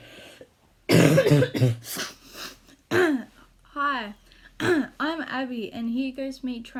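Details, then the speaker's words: A child with a habit cough lasting five years, coughing what feels like a hundred times a minute, gives a harsh burst of coughing and throat clearing, then a rapid run of short, voiced, honking throat sounds. "I usually call for what feels like a hundred times per minute and I've been coughing for the past five years so here I go"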